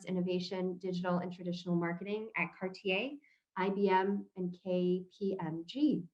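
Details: Adult woman speaking; normal speech.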